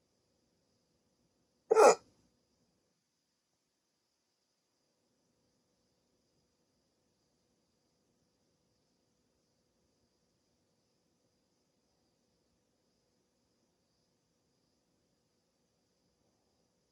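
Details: Adult with sleep apnea on CPAP treatment, waking from sleep with a rare hiccup attack lasting about 16 minutes: a single sharp, abrupt hiccup near the start, then silence.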